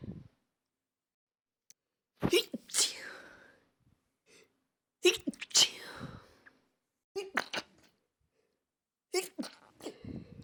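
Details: Stifled and normal sneezes: four sneezes in quick succession, some stifled and some full, each a sharp burst with trailing exhale.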